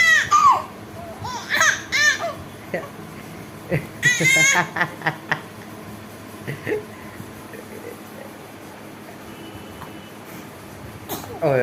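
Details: Baby girl: short bursts of infant crying and fussing with pauses between them, then quieter room sounds; infant cry.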